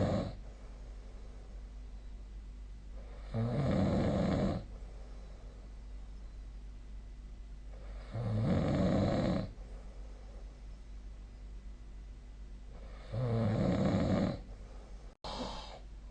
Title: 🐽 本日のイビキ / Snoring Sleep Sound